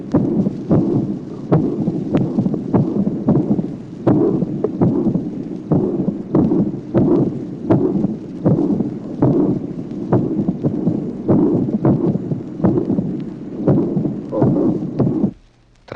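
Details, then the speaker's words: Mitral valve disease with atrial fibrillation, 1966 teaching recording (track 24): irregularly irregular heartbeat with a loud first sound, a pansystolic mitral regurgitation murmur and a sharp opening snap. "Tracé numéro 24. Maladie mitrale, fibrillation auriculaire, éclat du premier bruit, souffle pansystolique de régurgitation mitrale, claquement d'ouverture."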